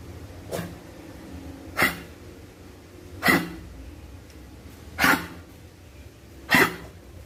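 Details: Five short, harsh, dry cough bursts about every 1.5 seconds from a dog, honking cough labeled kennel cough.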